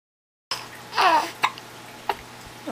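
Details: An infant coos briefly, then gives two short, sharp hiccups while playing with daddy in a quiet room; hiccups.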